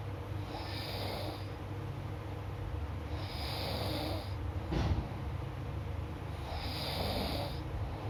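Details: Steady, low, rumbling snores about every three seconds, with a brief snort near the middle, over room hum; a person snoring during sleep.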